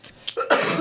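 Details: Short run of harsh, rough coughs ending in a louder throaty cough in a small room, from an adult man whose cough has returned during a podcast recording; cough.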